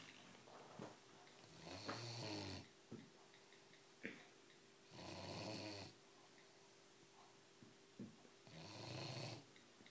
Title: Lilly the snoring bulldog